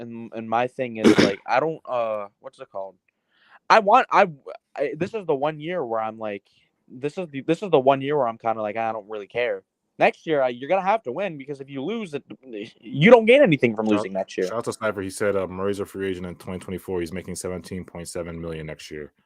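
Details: Adult male speaker; ordinary speech.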